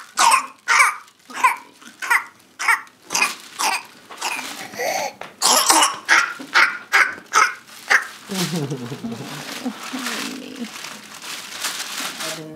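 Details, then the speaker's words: 4-month-old infant with a 10-day intermittent cough, sometimes severe, earlier croupy and hoarse, now congested with gagging: a rapid run of about fourteen coughs without pausing, then noisy straining gasps for air; whooping cough (pertussis) coughing spell. "cough cough coughing gasping for air yeah okay doesn't sound like any fun no it doesn't"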